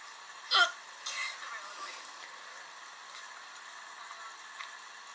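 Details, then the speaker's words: Hiccups lasting about 10 minutes: one sharp hiccup followed by a few fainter catching sounds over steady room noise, with background speech from a computer. "guys, this is the freeway hiccup."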